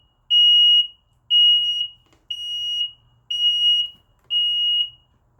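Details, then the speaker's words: High-pitched apnea alarm beeping once per second from a Smartmonitor 2 apnea monitor during between-patient simulator testing, after no respiration detected for 20 seconds; test passed. "okay so now we're waiting and we have our apnea alarm so now we've passed this test"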